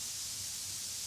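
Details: Tinnitus masker noise from a masking application, activated in both ears at a volume set about twice as loud as the tinnitus, before tuning.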